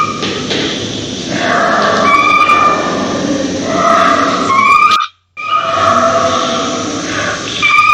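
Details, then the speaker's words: Dog or cat with laryngeal paralysis showing marked inspiratory effort and respiratory distress: loud, harsh, whistling noise on each labored breath in; inspiratory stridor. "e aí se você quer um paciente com muito perigoso respiratórios desse com esforço inspiratório do paciente"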